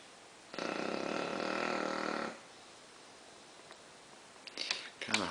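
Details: Tired bulldog sleeping laid out after a rough day, tongue hanging out: one long, loud, rattling breath followed by quieter snorts; very loud heavy snoring that drowns out the TV.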